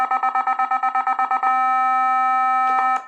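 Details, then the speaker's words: Rapid pulsed beeps give way to a steady continuous tone as a defibrillator charges to its maximum 270 joules. The charge time is counted during analyzer testing, with a limit of 10 seconds. "so in the what in the in the 270 this is you just count the this one for charging because there is the charging time should be there is a limit only for the maximum 270 the charging time should be not more than 10 seconds"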